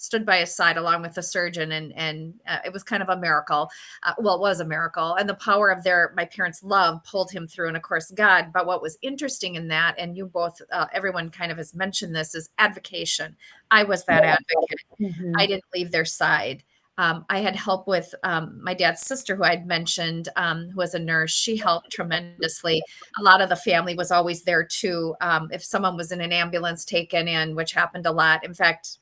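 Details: Adult woman speaking; normal speech.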